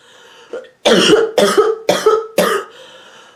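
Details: Sick adult woman coughing miserably and constantly: four loud, harsh, deep coughs in quick succession, barking and hacking, then a quiet breath in; barking cough.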